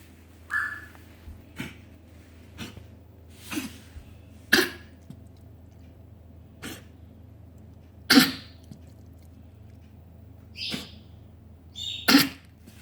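About nine short, dry cough bursts spread over roughly 13 seconds, over a low steady hum; a dog coughing.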